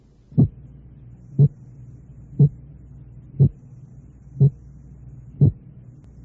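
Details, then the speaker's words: Simulated heart sounds at 60 per minute, each closely doubled with a 40-millisecond (4 hundredths of a second) separation between components. A split heart sound. "la separación de 4 centésimos de segundo"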